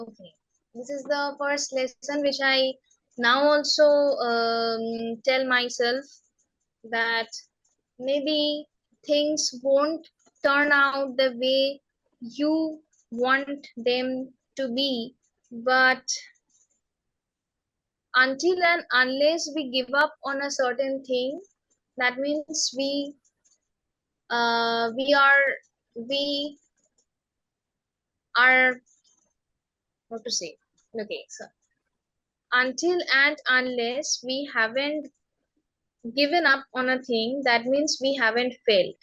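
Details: Woman who has stammered since age six, speaking in a real interview; stammering.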